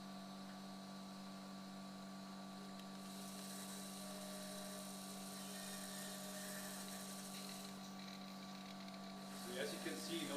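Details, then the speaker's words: Simulated ear surgery on an artificial temporal bone model: steady high-pitched whine of a surgical drill with equipment hum, drilling after mastoidectomy to open the middle ear via posterior tympanotomy for electrode insertion. "and what we will do is the insertion of the electrode probe and i will start with the drilling now"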